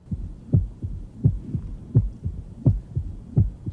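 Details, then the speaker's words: Left atrial myxoma tumor plop, loudest with the bell; loud first heart sound, presystolic murmur and early diastolic filling sound earlier than an S3, mimicking mitral stenosis; regular rate about 85/min, faint low rumble; voice briefly heard. "first heart sends loud there's a pre systolic murmur you hear that filling Sam occurs a little earlier than the third hearts and did but it's exactly like mitral stenosis with one exception this is loudest with a bell"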